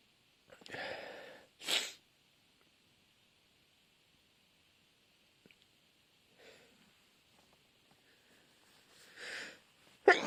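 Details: Sneezing fit: a sharp sneeze preceded by an inward breath, a quiet pause, then another build-up and sneeze.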